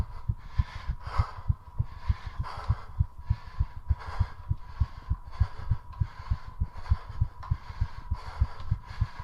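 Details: Rapid, regular heart thumps with loud, quick breaths over them during a 3:30-minute squat challenge, heart rate deliberately driven as fast as possible: exercise-induced tachycardia with heavy breathing.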